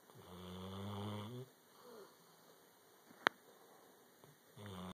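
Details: Snoring: a droning, buzzy snore on breathing in, a quiet pause with a brief click, then the snore returns.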